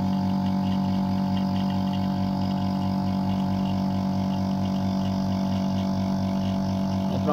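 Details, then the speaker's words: Steady low motor hum with rapid pulsing about 136 a minute from an Oxymed portable suction machine at full suction, gauge reaching −600, gripping the demonstrator's finger. "Minus 600 तक gauge जा रहा है इसका full करने प full section करने प देखिए इतना पावरफुल है य इसने पकड़ लिया है मेरी फिंगर को छोड़ नहीं रहा है"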